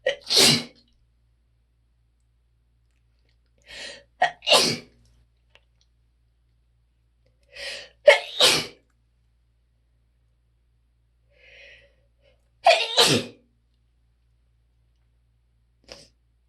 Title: sneeze after sneeze after sneeze